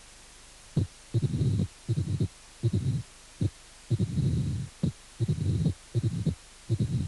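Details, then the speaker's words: Mitral stenosis in atrial fibrillation: irregular heart sounds with a loud first sound, an opening snap and a low diastolic rumble, with no presystolic accentuation. "estenosis mitral en fibrilación auricular primer ruido fuerte chasquido y retumbo no hay arrastre precise tónico"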